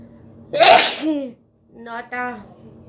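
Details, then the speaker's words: Woman doing a sneezing challenge, deliberately setting off sneezes by poking inside her nose with a stick: one forceful sneeze followed by brief speech; a provoked sneeze. "Seasoning challenge. চলো, কটা হাঁচি আমি দিতে পারি দেখো। 10টা তো বললাম তোমাদের।"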